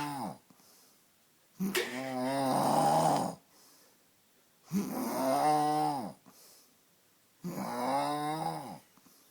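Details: Snoring: three loud, rough, vibrating inhalations about every three seconds, roughly 20 per minute, separated by quiet pauses.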